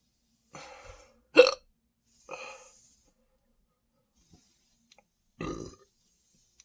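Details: Adult standing and drinking more Sprite, saying the stomach feels heavy, really full and tight: four short belches, one loud and abrupt, separated by quiet pauses, belching after carbonated soda.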